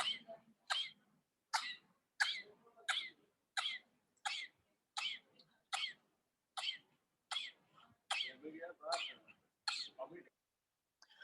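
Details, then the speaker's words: Staccato cough in a child: short, sharp single coughs with nearly every breath, often due to chlamydia; teaching audio. "So whenever the child is coughing for each and every breath, we will call it as staccato cough, which is often due to chlamydia."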